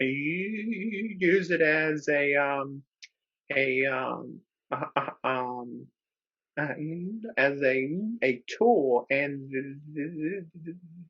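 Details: Real stuttering in a man who describes himself as a person who stutters, speaking as a webinar co-host; repetitions and filler interjections are heard; stuttering.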